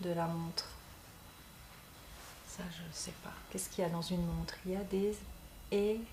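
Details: Man who became aphasic 7 years earlier after a stroke and uses voice recognition software as a communication aid; aphasia (word-finding difficulty).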